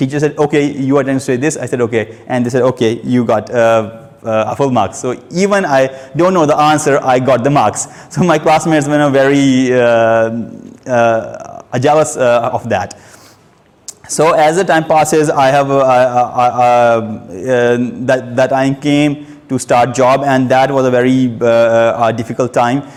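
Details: Stuttering in an adult male who reports stammering since age two, heard while giving a prepared speech at a stammering-support public-speaking session.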